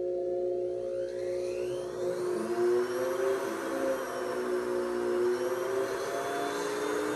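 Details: Surgical handpiece (266AMC) sectioning the crown of tooth #17, a rooted typodont molar horizontally embedded in gypsum bone under VPS mucosa, in a simulated full bony extraction; steady whining motor with shifting pitch.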